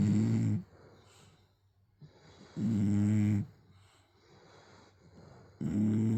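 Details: English bulldog snoring: deep, buzzing snores about every two and a half seconds with softer breathing noise between.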